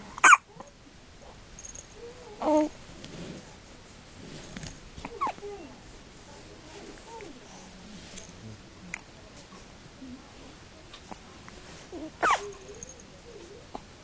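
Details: Newborn baby's first hiccups, in hospital: three sharp, brief hiccups spread over a quiet stretch, with soft baby noises between them.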